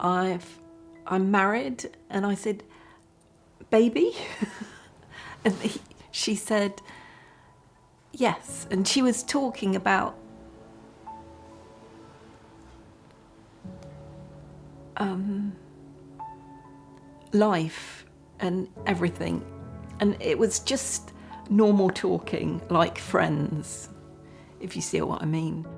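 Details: Woman with aphasia after a huge stroke about 9 years ago, six months in hospital and initially unable to speak, now speaking with hesitations and fragmented phrasing; aphasia after stroke.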